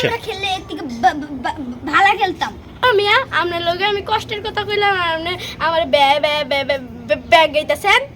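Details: Acted stuttering in a Bengali comedy skit about three stutterers; in character, the speaker says he stutters a little.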